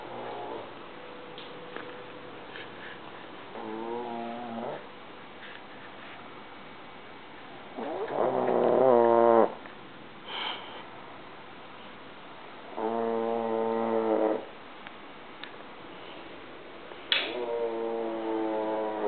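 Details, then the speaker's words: Man asleep on a couch, snoring loudly enough to sound like a lawnmower: several loud, rattling, buzzing snores on in-breaths, each one to two seconds, with quiet gaps between them. "cuz I hear something that sounds like somebody's like outside freaking mowing their lawn or something and then I go look and it's DAV and snoring so let's go prove him wrong"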